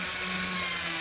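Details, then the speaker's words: Continuous high-pitched whine of a running dentist's drill. "and now that i've got this dentist drill working that's another thing crossed off that i needed to do"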